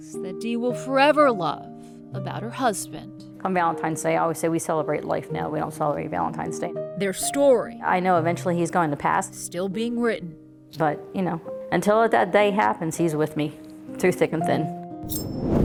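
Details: Adult woman speaking, with a possible second narrator voice, over background music; Typical speech.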